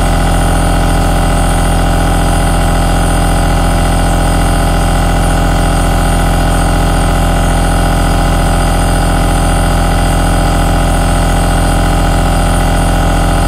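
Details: Aerosol nebulizer recorded as a relaxing ASMR noise: steady, low motor hum with a rapid, even pulsing throb; continuous running sound of the nebulizer compressor.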